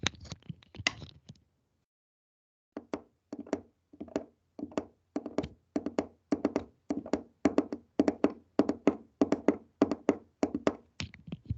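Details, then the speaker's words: Imitation of a gallop rhythm: a teacher taps fingers in quick triple groups during a semiology class, like a horse's gallop, pathological when a third heart sound joins. "Como que fuera el galope de los caballos, ¿de acuerdo? Cuando corren. Ese es el ritmo de galope, lo que acabamos de oír."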